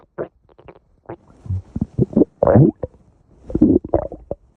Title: Cute obedient's loudest stomach growl